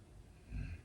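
A single low, rumbling snort-like breath rises out of quiet room noise: a dog snoring in the background.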